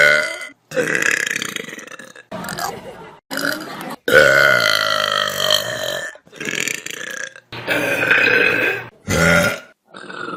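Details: Compilation of burps from different people on Vine: a string of loud, long, rumbling burps one after another, with short gaps and brief voices between.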